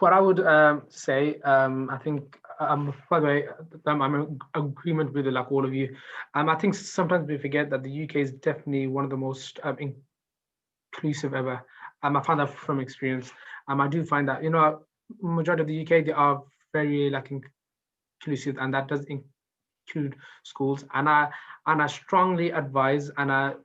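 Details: Stuttering in an adult male maths teacher who received no support until he self-referred at 19.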